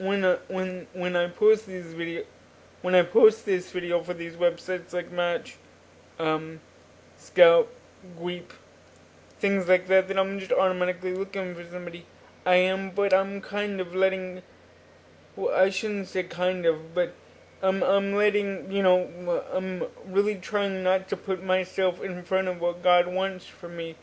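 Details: Adult man with cerebral palsy since birth, which he attributes to oxygen deprivation in the womb; he uses a wheelchair and reports normal cognition. Dysarthria (cerebral palsy).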